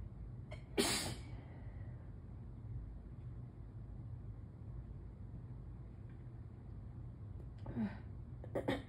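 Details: Morning allergy sneezes: a loud sharp sneeze, then two smaller sneeze-like bursts at the end over steady room noise.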